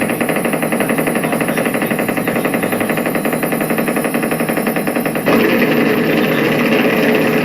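Rapid, rattling crackle of motor unit firing that fills into a dense, continuous static roar with strong effort: a normal EMG interference pattern.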